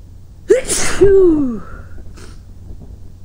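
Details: Person sick today, sitting in bed inducing sneezes and sneezing into a pillow: one loud sneeze ending in a short voiced cry, slightly muffled, then quiet room noise.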